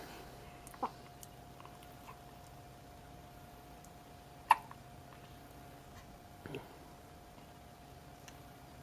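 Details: Morning hiccups: three brief, sharp catches of breath spaced a few seconds apart in a quiet room.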